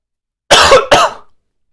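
Two loud, harsh coughs in quick succession, rough and throaty: a short bout of coughing.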